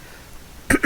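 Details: Adult man whose sinuses are affected by a weather change, voice rough: a single short, abrupt cough after a brief quiet stretch, cut off at the end.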